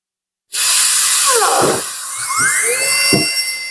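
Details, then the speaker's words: High-speed dental handpiece with a 330 bur cutting an MO Class II amalgam preparation on a maxillary second premolar, bench demonstration: loud high-pitched whine with pitch dips as the bur bites and eases off. "When you are drilling, it is better to drill pumping motion, little by little, up and down, not just pressing it all the way down."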